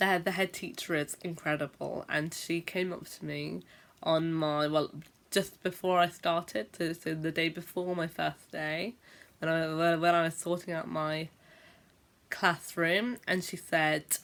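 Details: Adult female teacher who stammers (stutters) and says she blocks for a long time when speaking; stammering (stuttering).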